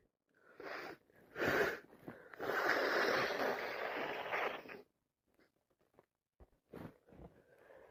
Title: More cold sneezes 🤧